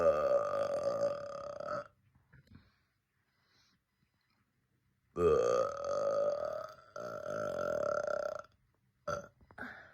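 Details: Girl burping: three long, loud, voiced belches separated by pauses, then a short fourth belch at the end.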